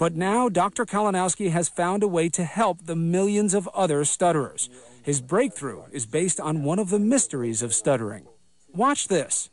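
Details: Adult male narrator; no speech disorder.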